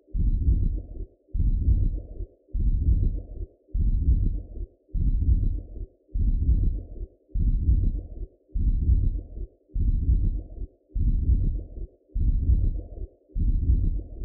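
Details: An adult's own heartbeat recorded through a Doppler probe gives regular whooshing pulses at about 50 a minute, a normal heartbeat.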